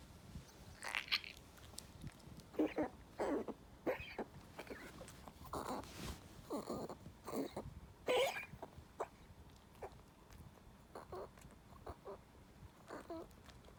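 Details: Coco, a Maltese dog with heart disease and congestive heart failure on pimobendan and Viagra twice daily, coughs hard at night with repeated short, harsh coughs and throat-clearing hacks; cardiac cough.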